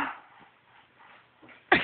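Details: Father's sharp, explosive sneeze in a small room, with a child's faint laughter before it: sneeze.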